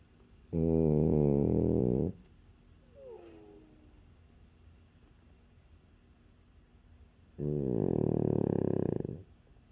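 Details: French Bulldog, very tired, curled up in owner's arm in deep sleep: two long, loud, buzzing, rattling snores separated by a quiet pause; heavy snoring.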